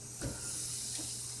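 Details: Ex vivo pig lung inflated in a classroom demonstration, possible bleb or tumor on one side: air leak through ruptured visceral pleura.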